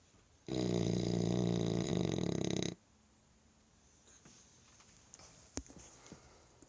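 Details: French Bulldog asleep after supper: one loud, rough, rattling snore lasting about two seconds, then quiet room with faint small noises; snoring.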